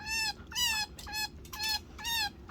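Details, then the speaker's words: Baby chinchilla separated from its mother gives five high, clear, squeaky cries in quick succession, calling for its mother: separation distress cry. "oh my god listen to this baby are you forever gonna cry for Mommy so you're too big to be with Mommy no more"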